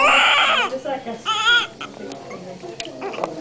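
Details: Newborn baby's first cry after birth: strong, high-pitched wailing bursts trailing into softer whimpers, with faint adult voices.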